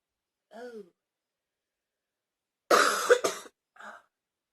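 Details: Pair of harsh coughs close together, with softer throaty sounds before and after, followed by pained "ow" sounds, during ten minutes of coughing; cough.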